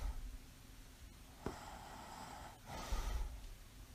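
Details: Adult woman with mild sleep apnea, mild asthma and a congenital heart murmur, sleeping soundly: a sudden snort opens two noisy, rough breaths after a quiet room background; mild snoring, with breathing pauses heard in the recording.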